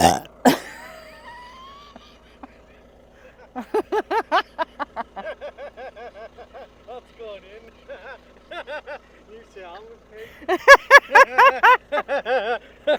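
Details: Woman burping in an outtake: a run of loud, low, voiced belches in quick succession, some stretched out, after a brief noise at the start; repeated burping.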